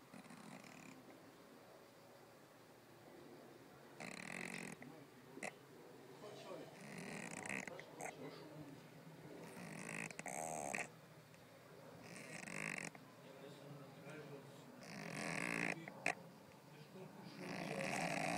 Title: Cat snoring in the sink